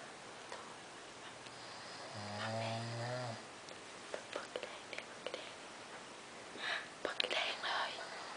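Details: Male sleeper filmed to prove he snores: one low, buzzing, fluttery snore on a breath, then faint soft noises and rustling in a quiet room.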